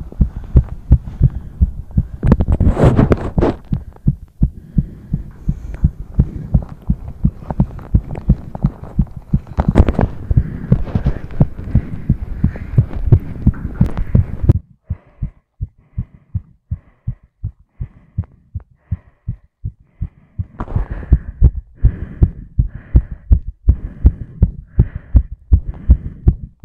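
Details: Several fast, regular heartbeat recordings, with thumps following quickly one after another: rapid heartbeat (tachycardia).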